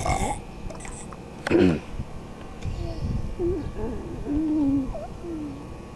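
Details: One loud, low, rumbling belch followed by talk and laughter in the background.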